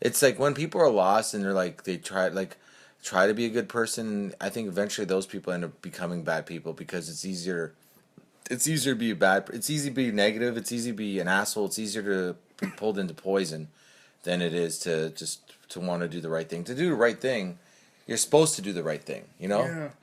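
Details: Adult male speaker; typical speech.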